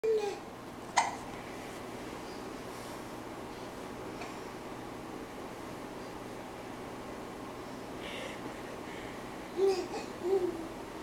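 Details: Infant close to crawling, rocking and scooting in place, with hiccups: about four brief, sharp involuntary catches in quiet room noise.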